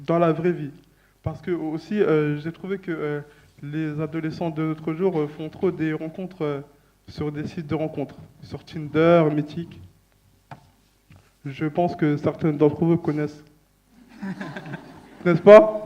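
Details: Young person who stutters, speaking at a stuttering association colloquium; stuttering.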